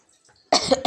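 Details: A child playing in sand: after a near-silent half second, a sudden harsh cough burst, with a second burst beginning at the end; an ordinary cough.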